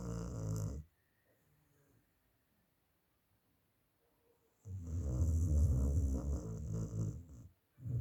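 Loud, deep, rumbling snores in long drawn-out breaths separated by near silence: heavy snoring from a sleeping dog.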